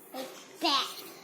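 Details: Vocal response of a child with a cochlear implant during a post-implantation speech therapy session, replying to an adult naming animal pictures; speech of a child with a cochlear implant.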